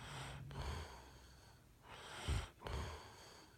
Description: Snoring this is driving me mad